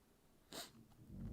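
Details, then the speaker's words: A dog that has been coughing a lot gives a single short, harsh, breathy cough in a quiet room: cough. "i don't know if you can hear bella coughing she's been coughing a lot"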